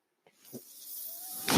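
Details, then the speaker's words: Speaker's own mechanical ventilator heard while he talks: a soft thump, then a steady airy hiss that builds with a faint whine and ends in a louder rush of air. "Hello, everyone. My name is. That noise you're hearing is my ventilator."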